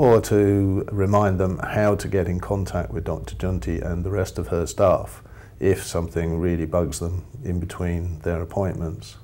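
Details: Adult man speaking; no speech disorder.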